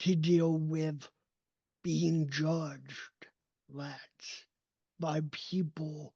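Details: Adult male with cerebral palsy, a neurodevelopmental disability; his speech did not develop until age seven, after extensive speech therapy, and still needs ongoing training; real speech; dysarthria.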